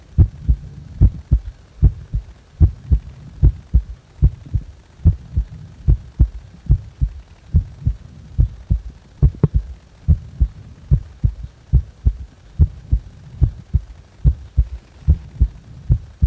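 Loud, regular heartbeat at about 72 beats per minute with clear paired thumps and a low background hum.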